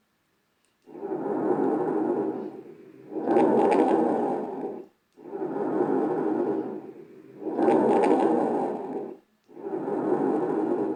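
Loud, harsh, hollow blowing breath sounds, about 14 breaths a minute, with a clear gap between breaths: normal tracheal breath sounds.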